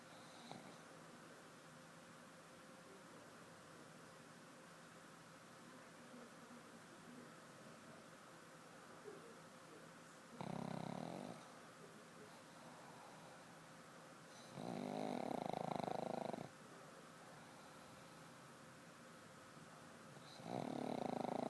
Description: Oliver the black pug dreams and snores in bed